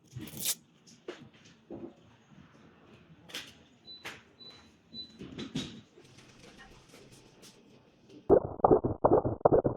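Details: Fast, regular whooshing fetal heartbeat heard through an M523 fetal Doppler after handling noise and device beeps, recorded during a usage tutorial.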